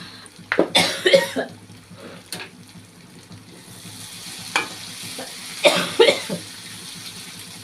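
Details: Person cooking spicy sambal: two clusters of short, harsh coughs, about eight in all, over the sizzle of frying; irritant cough from the spicy cooking fumes.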